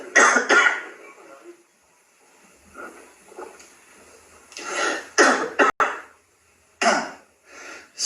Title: pris d'une quinte de toux